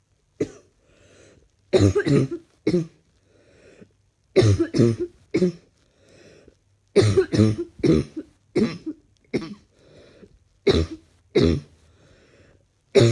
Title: Not feeling fantastic today at all. Need this cough to leave me now